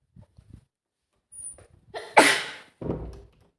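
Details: Acted scenario of a young female maid with dust allergy cleaning a dusty room: brief catching breaths build to one forceful, explosive sneeze with a short trailing breath; simulated desperate allergy sneezing.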